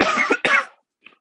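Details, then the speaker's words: Two harsh cough bursts from an adult during a podcast recording, followed by a faint trailing sound. "This coughing is just going to poison this audio forever, but it is what it is."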